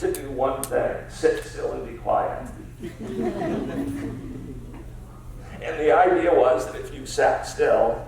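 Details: Adult man diagnosed about seven years earlier with spasmodic dysphonia, a rare neurological speech-only disorder of unknown cause, treated with periodic Botox injections, speaking in a real keynote talk; spasmodic dysphonia.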